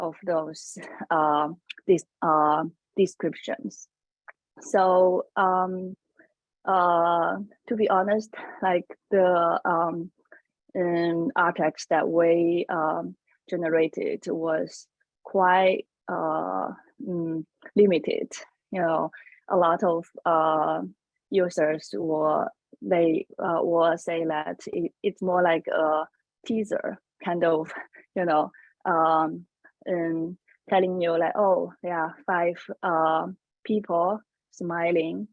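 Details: Adult woman who self-discloses a stutter and notes she may pause more when talking; stuttering.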